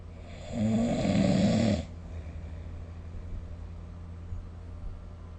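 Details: Snoring during sleep, recorded with the SnoreLab app: one loud, rough, rattling snore of about a second, then quiet breathing over steady low room hum.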